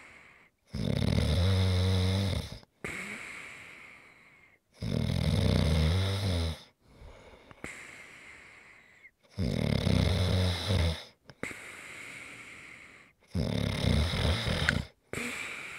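Deep, loud, fluttering snores on each in-breath with softer hissing out-breaths, about 15 breaths a minute; typical heavy snoring.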